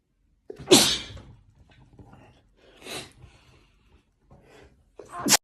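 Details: Two sharp, forceful sneezes after a COVID test, with a brief catch of breath before each and a softer burst between them.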